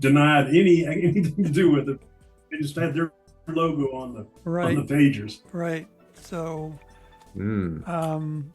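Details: Adult man, conversational speech; no voice disorder.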